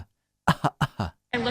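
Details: Four short, forced cough bursts in quick succession, then a brief voiced sound: a deliberate, fake cough by a woman coughing on shoppers in a Nebraska supermarket during COVID, claiming allergies.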